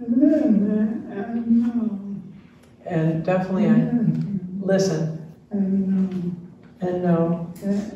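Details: Adult man diagnosed with ALS in late 2021, with neurologic jaw clonus causing jaw trembling; his wife translates his speech; real patient; dysarthria (ALS).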